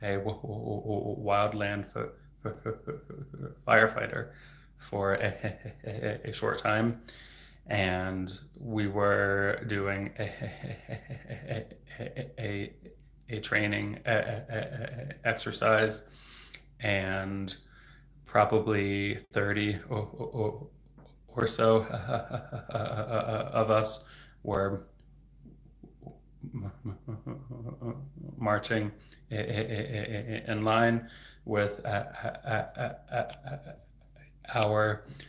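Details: Adult man who has stuttered since age 8, a speech-language pathologist, stuttering openly with word repetitions; stuttering.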